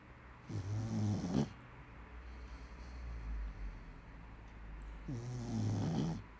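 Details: Female bulldog snoring in sleep (owner says she snores even when awake): two loud, rattling snores on inhalation with a quiet pause between them.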